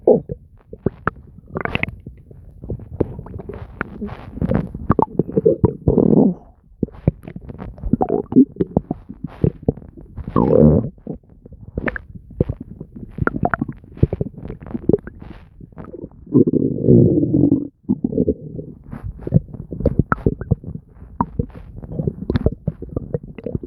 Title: Nonstop stomach gurgles and bubbling [Stomach noises]